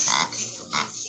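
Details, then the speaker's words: Two harsh, honking bursts from a dog like a goose call: the typical goose-honk cough, associated with tracheal lesions in dogs. "Creo que sí es muy eh típico este sonido de grasnido de gans y se asocia a lesiones en la tráquea, en perros."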